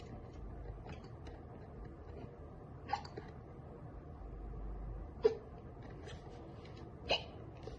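Three brief, sharp hiccup sounds about two seconds apart against quiet room noise; hiccups.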